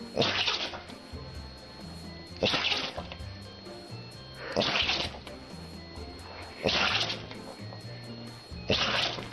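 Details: Dog that can't stop sneezing: five sharp hissing sneeze bursts about two seconds apart over soft background music; repeated sneezing.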